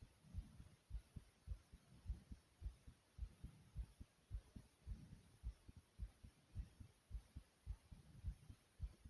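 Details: Racing heartbeat (tachycardia) with heavy breathing, regular deep thumping heartbeats at about 107 a minute.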